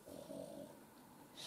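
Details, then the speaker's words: Pet dog recovering after an epileptic seizure snoring while sleeping. "Ihm geht es aber wieder gut, er ist wieder fit. Wie man hört, er schnarcht, er ist anhänglich wie eh und je."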